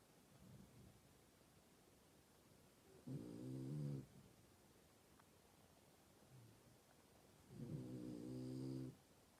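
Two loud, rumbling inhaled snores about four seconds apart, with quieter breaths between them, roughly 13 breaths a minute. Snoring.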